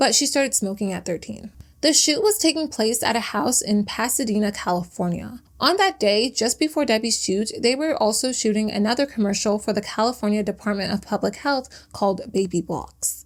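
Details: Adult female narrator; Normal speech.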